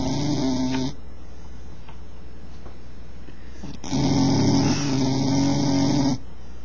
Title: bull terrier snoring